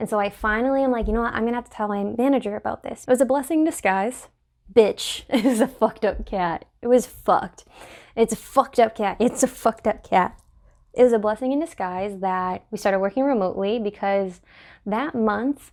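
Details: Adult woman with Tourette syndrome that re-emerged in February 2020; repeated inappropriate phrases interrupt her sentences, worsening with filming and suppression; complex vocal tics with coprolalia (Tourette syndrome).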